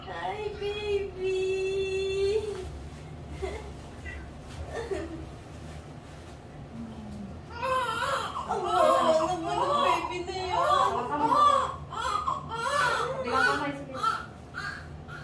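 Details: Short, high-pitched wavering cries of a newborn girl just after a normal vaginal delivery, over room noise and adult talk; normal newborn cry.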